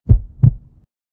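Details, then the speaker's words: One lub-dub heartbeat, two dull low thuds a fraction of a second apart, heard through a stethoscope. "Normally, we used our stethoscope to listen to heart sound, breath sound, bruits, korotkoff sound, and also boborygmi bowel sound"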